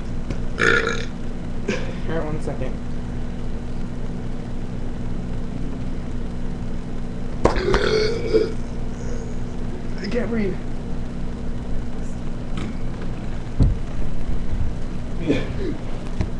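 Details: Several loud belches from a brother inside a moving vehicle, over steady engine and road noise with some talk: repeated burping.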